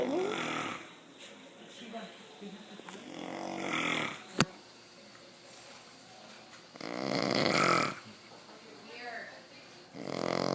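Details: A man snoring, recorded by onlookers: loud, rough snoring breaths separated by quiet pauses, with a sharp click and faint room sounds between.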